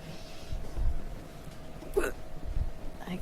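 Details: Hiccups during a live stream; the person says they can't control or stop them and feels already "three sheets to the wind". A single sharp hiccup catch over low rumbling room noise.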